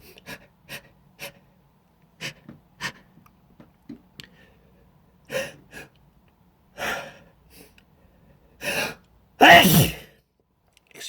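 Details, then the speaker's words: An adult on a video conference call sneezes after pausing the meeting, with repeated sneezes and apologies. "I'm just gonna have to take a pause here it's a sneeze so try not to keep watching me keep yourselves busy for a moment excuse me"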